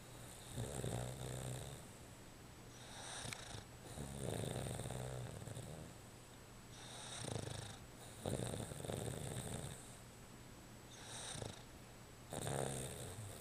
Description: Tux having a snooze. Its usually louder than this - but the puffer fish action is what got me!!